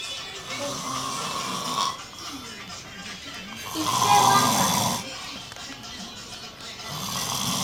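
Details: Loud, rough snore over music and voices, with faint noisy breaths before and after; snoring.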